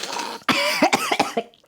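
Acted choking: a short noisy rush of air, then about five harsh, voiced coughing bursts.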